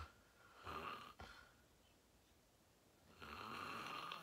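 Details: Adult recorded in deep sleep after falling asleep fast: two loud, raspy snoring breaths separated by a quiet pause; ordinary snoring.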